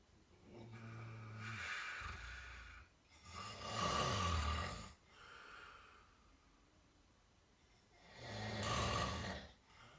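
Loud rattling snores on breathing in, with quieter breaths out between them, about 13 breaths a minute.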